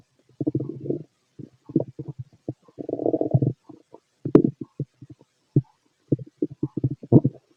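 Frequent low gurgles and rumbling bursts through a stethoscope: active bowel sounds, ordinary stomach growling.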